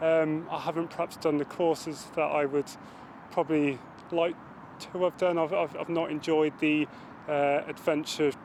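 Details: Adult male RAF corporal with a stammer; stammering.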